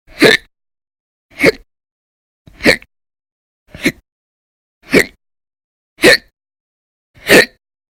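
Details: Persistent violent, very loud hiccups lasting many hours a day in December 2019: seven sharp, abrupt hiccups over eight seconds, about 50 a minute, evenly spaced with silence between.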